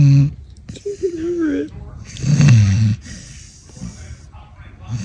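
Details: Pit bull puppy snoring while sleeping nose up with mouth open: a few low, snorting breaths with one rough snore, faint music behind.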